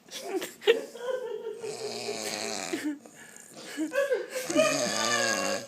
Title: Loud Snoring